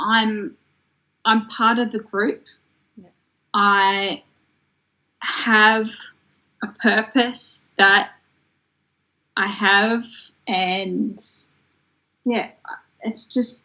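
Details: Woman who developed aphasia after a stroke in 2016 at age 33, in long-term recovery; aphasia.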